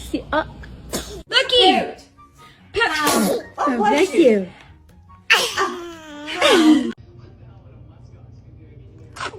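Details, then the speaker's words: A baby sneezing: a few short, sharp sneeze bursts, with adult voices and laughter in the room. "Oh goodness. Were you about to sneeze?"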